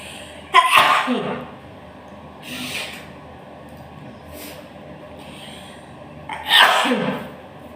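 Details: Tickle-induced sneezes: two loud explosive sneezes a few seconds apart, with a softer breathy sound between them.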